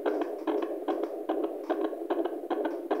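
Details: Fetal heartbeat on Doppler at 26 weeks 5 days of pregnancy: rapid, regular galloping whooshes at about 145 beats a minute.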